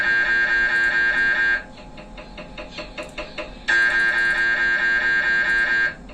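Loud, steady electronic buzzing tone that breaks into rapid knocking pulses and then resumes; typical scanner noise during imaging sequences.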